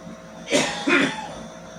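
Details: Adult smoker's morning cough: two harsh, throaty cough bursts.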